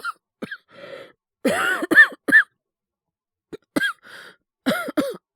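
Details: Acted cough in a Japanese voice drama recalling influenza that progressed to bronchitis, character with a sore, scratchy throat: several short, voiced cough bursts in clusters with throat clearing in between.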